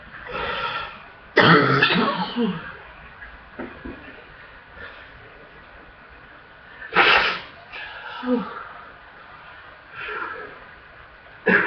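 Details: Person with a full chest and hard coughing during a chest-congestion coughing fit: harsh, wet-sounding productive coughs in uneven bursts with quieter breaths between.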